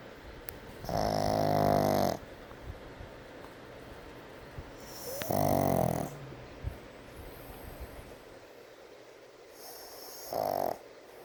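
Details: Brindle Pug sleeping during an afternoon nap: three rough, vibrating snores about four seconds apart, roughly fifteen breaths a minute, in a quiet room; snoring.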